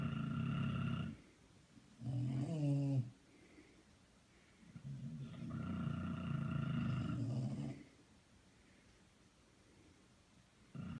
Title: Bulldogs Dual Snoring